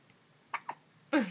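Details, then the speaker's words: Three-day-old newborn baby with hiccups: three brief, abrupt catching sounds, the last the loudest; hiccups. "hanging out with Dad and Mom and we have the hiccups and they're so annoying they make me cry slash yawn nope neither oh they make me sneeze good one hi K hi baby hi they suck don't yeah nobody likes the hiccups"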